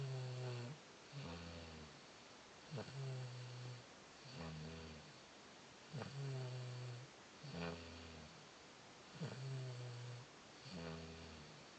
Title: snoring